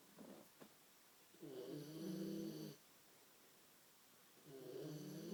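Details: Asleep and snoring: two long, low, rattling snores on the in-breath, separated by a quiet pause.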